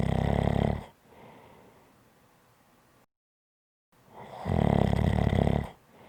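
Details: Two loud, rattling, low-pitched snores on breathing in, separated by quiet breathing out and a pause; ordinary snoring.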